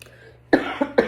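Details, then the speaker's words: Three quick dry coughs in a row over a low background hum, from a 17-year-old giving a class speech; he suspects a cold coming on, with a dry throat and chronic coughing. "I'm sorry for all the coughing. I think I'm coming up with a cold. My throat's really dry, and I have chronic coughing right now."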